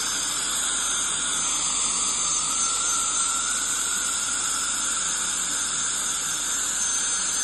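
Steady high-pitched hiss and spray of dental cleaning instruments, the sound of scaling and air-polishing during a routine hygiene cleaning.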